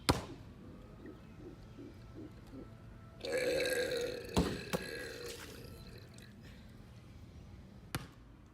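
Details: Person in a pool shooting basketball three-pointers while burping: a long, loud voluntary burp lasting about a second, with ball bounces and splashing around it; belch.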